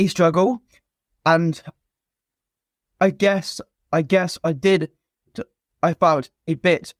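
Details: Adult man, an army veteran, who has stammered since a young age; stuttering.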